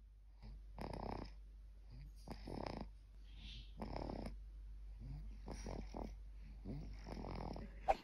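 Soft, regular snoring breaths from an infant, about 40 a minute, with quiet pauses between them.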